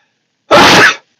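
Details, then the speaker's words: One loud, explosive burst lasting about half a second, starting sharply and trailing off quickly, from an adult during a livestream. This is a single forceful sneeze. "sneezing Extremely Loud should stop you nobody likes to hear that if I'm lucky my audio is glitched and and is not functioning but if you heard that massive sneeze I'm so sorry"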